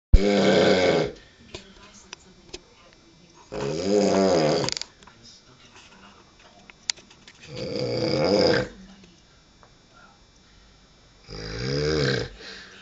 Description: Drunken fool snoring his brains out